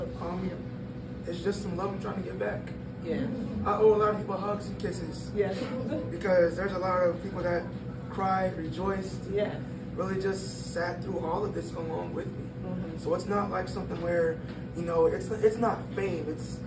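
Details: Breathy voice in a 22-year-old man from incomplete vocal fold closure (glottal insufficiency), linked to extremely premature birth at about one pound, with lungs and vocal cords developing as he grew; the cords still don't close fully.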